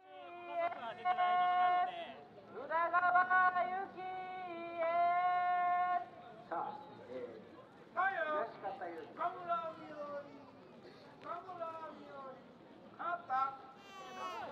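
Loud, high-pitched wailing cries from infants, in long sustained bouts broken by brief gasps for breath.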